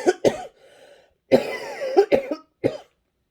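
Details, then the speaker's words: Several short, sharp dry coughs in quick succession, without rattle or mucus, from an adult on day 4 of COVID quarantine who also reports sneezing, facial tightness and a blocked nose. "hear that it's a dry cough i've been drinking a lot of liquids"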